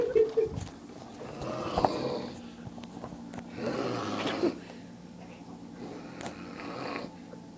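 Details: Three rough, rattling snores about every two and a half seconds from an adult man asleep on a couch, with quiet pauses between them, mouth open: snoring.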